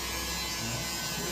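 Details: Plaster cast removal after six weeks: steady buzzing whine of an electric cast saw cutting through the plaster cast.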